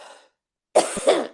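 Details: Person who just took medicine and coughed hard: a faint breath, a pause, then a harsh two-part coughing burst with a throat-clearing quality; cough.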